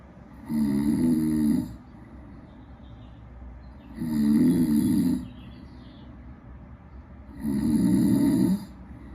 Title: desktop app acoustic and accelerometer waveforms collected during snore